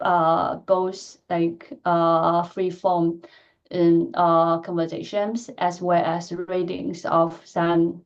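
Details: Adult woman who stutters, speaking in a lecture; she says her stuttering pattern varies greatly with listener and situation; stuttering.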